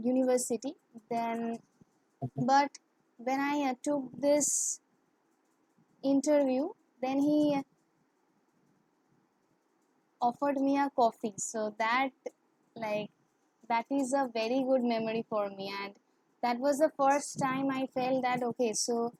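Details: Woman who has stammered since childhood, stammering more in English and with high-authority persons; stuttering.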